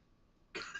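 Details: Cough during a smoking session: a single short, harsh cough burst after a quiet moment.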